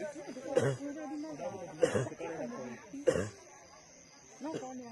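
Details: Man diagnosed with whooping cough after coughing for an hour: harsh, forceful coughs about every second, separated by strained, voiced breaths.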